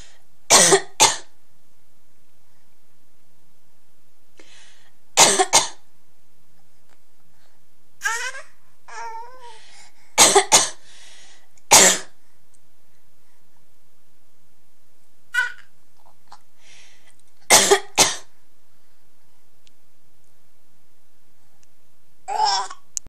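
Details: Infant aged 6½ months copying his mother's coughs: short paired coughs alternate with playful imitation coughs and soft babbling; imitated cough.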